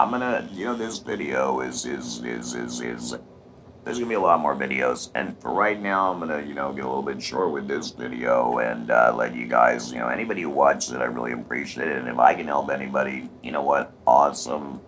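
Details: Electrolaryngeal speech with a TruTone Emote device using inflection, by a 51-year-old man after total laryngectomy with thyroid removal, radiation and chemotherapy.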